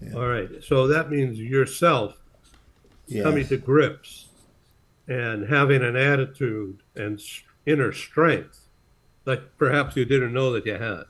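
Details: Adult speakers in conversation; ordinary speech.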